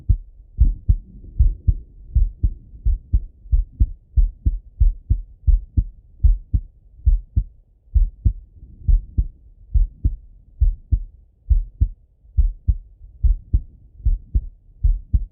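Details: Male heart auscultated with a stethoscope, recorded either sitting at a desk or lying in bed: clear, steady lub-dub at about 80 beats a minute, no added sounds between beats; normal heart sounds.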